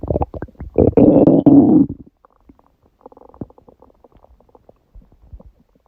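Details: Stomach growling recorded at 1:30 am after waking, six hours after eating too much udon at 19:30, the first gluten in a while: a loud gurgling, rumbling stretch followed by softer bubbling gurgles; ordinary borborygmi.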